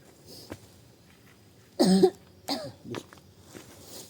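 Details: Woman with persistent coughing at home: three coughs in quick succession, the first loudest, in a quiet room.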